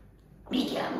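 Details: Tracheoesophageal speech from a woman using a voice prosthesis after total laryngectomy six years ago, prosthesis fitted during surgery, speaking almost immediately after; tracheoesophageal speech.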